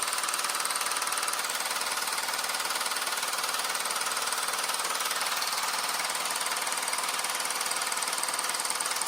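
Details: Handheld low-intensity shockwave therapy device for erectile dysfunction, applied to the penis section by section through five treatment areas, described as painless: steady, rapid mechanical tapping at about 230 pulses a minute; shockwave therapy device operating.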